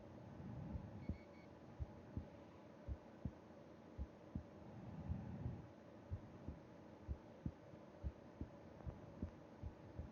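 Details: Resting heartbeat heard with ear against chest during sleep: soft, regular low thumps about 60–70 a minute under steady room hum, faint slow breathing; normal heart sounds.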